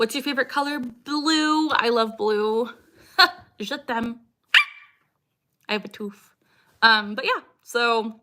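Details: Woman with Tourette syndrome producing recurring vocal tics during a livestream; she says stress is her biggest trigger and her tics lessen when she is with her dog; vocal tic (Tourette syndrome).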